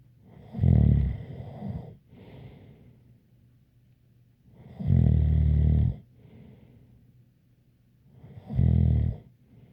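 Loud, rumbling snores on each in-breath with softer breathing out between them, about eight breaths a minute.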